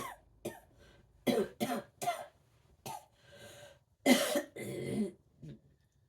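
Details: Coughing spasm, attributed to aspiration with swallowing difficulty, in an autistic female with 22q11.2 deletion syndrome during a migraine progressing to seizures with dystonia; cough after aspiration.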